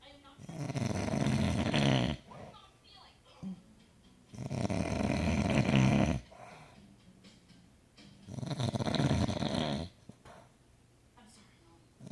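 Deep, rattling snores on each breath, about three in twelve seconds, roughly 15 breaths a minute, with quiet pauses between: ordinary heavy snoring.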